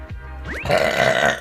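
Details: Single low, drawn-out burp over background music from a female Twitch streamer during a stream; burping.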